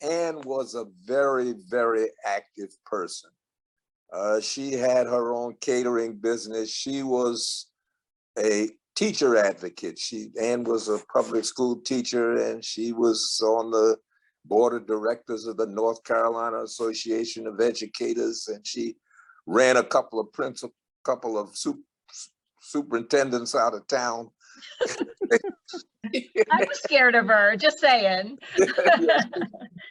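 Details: Adult man speaking; ordinary speech.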